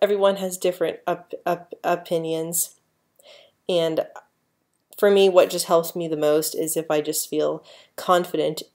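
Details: Adult woman who stutters, speaking naturally without speech therapy techniques; stuttering.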